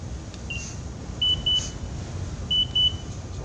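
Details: Toka Seiki TIP-OXP oxygen meter during battery check and calibration: short high-pitched electronic beeps, single and in pairs, over steady background hum; oxygen meter alarm.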